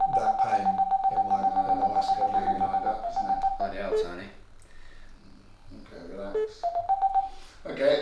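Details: Surface EMG biofeedback tone recorded from the biceps of an adult man with a suspected neurological issue in that arm, during a physiotherapy follow-up.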